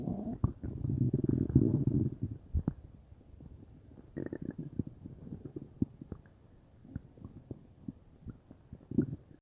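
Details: Belly felt bubbly all over (unsure if stomach or intestines); low gurgling rumbles with bubbly pops across the belly, typical normal bowel sounds (borborygmi).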